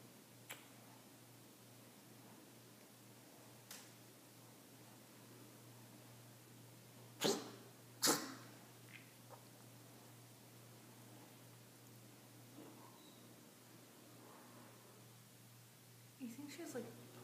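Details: Pet Georgia coughing, owner wondering what's in her throat and whether allergies or inflammation are involved: two sharp, harsh coughs close together with a few softer hacks against steady room hum.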